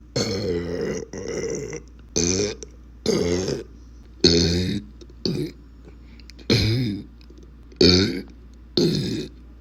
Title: Burping for You